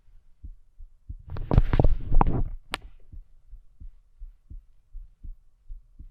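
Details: Woman listening to her own heart with a stethoscope: steady, regular normal heart sounds at about 85 beats a minute, with stethoscope rubbing noise early on.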